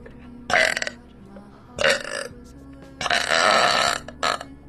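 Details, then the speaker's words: A woman burping: several loud, drawn-out belches in a row, the longest about a second, over faint background music. "this is a big long thank you burp video uh to let y'all know what's going on"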